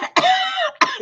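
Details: Ordinary cough from a participant in a recorded online group chat: short, sharp, rough, voiced bursts with a throat-clearing quality, two to three in one second; another joked it was from vodka.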